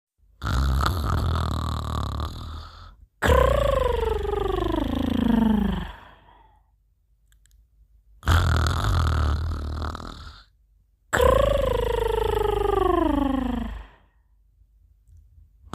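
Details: Loud, rough snores on both the in-breath and out-breath while asleep, some with a falling growl-like, tiger-like tone, in a quiet room; snoring.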